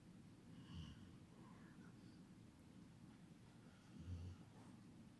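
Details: Sleeping dog snoring much like a person: two low, rumbling snorts a few seconds apart over quiet room noise.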